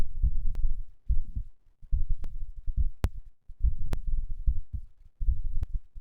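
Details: Heart sounds recorded after exercise (third such recording): fast, strong, low thudding heartbeat with occasional sharp clicks from handling; heartbeat sped up by exercise.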